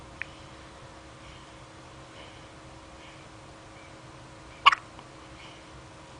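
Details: Baby with the hiccups.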